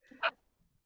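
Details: A female streamer gives a single brief, high-pitched squeaky hiccup followed by quiet.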